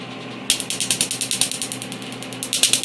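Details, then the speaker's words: Laser tattoo removal on a patient's left arm sleeve tattoo, firing at 10 pulses per second: rapid sharp snapping clicks over a steady machine hum as the laser pulses on the skin. "you see how quickly he goes ten ulcers per second it's a very efficient process"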